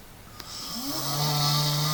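A single loud, rising snore builds over about a second and holds a deep, steady rattling tone; typical loud snoring.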